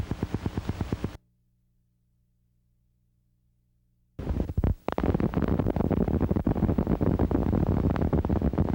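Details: Needle EMG teaching example of positive sharp waves, a sign of denervation. They are evoked more easily by needle movement than fibrillations, with the same electrophysiological characteristics and clinical significance as fibrillations.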